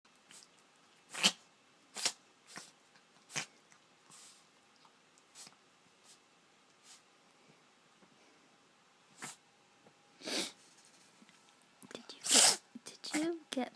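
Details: A cat sneezing, not sick per owner but with odd sinuses, sneezes often, producing snot: about a dozen short, sharp, hissing bursts at irregular intervals. Repeated sneezing.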